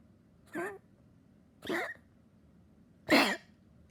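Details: A dog that had become weaker gives three harsh, separate coughs about a second apart against a quiet background; a persistent, non-stop cough.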